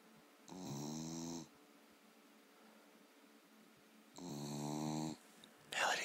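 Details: Dog exhausted and asleep after a long hike: two drawn-out, buzzing, slightly whistling snores with a quiet pause between; snoring.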